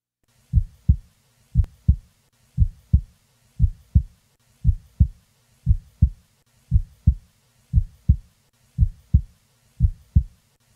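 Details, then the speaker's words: Normally split first heart sound: regular heartbeat at about 58 beats per minute, with the first heart sound slightly doubled. This is a normal finding. "listen to a normally split first sound"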